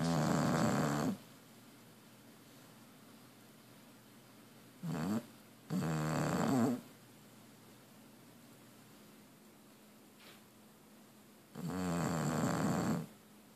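Loud, rough, rattling snores with long quiet gaps between, about ten a minute; heavy snoring typical of a flat-faced dog.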